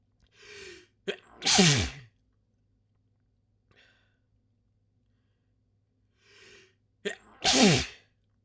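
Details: Two forceful, wet sneezes during a sneeze fit with sniffling and nose-blowing, each preceded by a quick indrawn breath, with quiet between.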